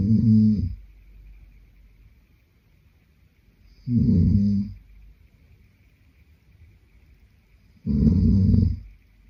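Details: Adult man (boyfriend) asleep, giving three loud, low, rattling snores about four seconds apart, roughly 15 per minute, with quiet breathing between.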